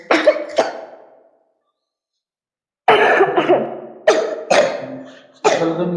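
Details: Young girl with flu for one to two days, also coughing: repeated short coughs in clusters, about six in all, each trailing off into a brief cry-like tone; cough.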